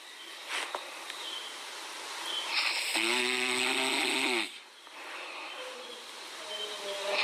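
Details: A Chihuahua puppy snoring loudly: a single buzzing, rattly breath of about a second and a half over hissy, outdoor-like background noise.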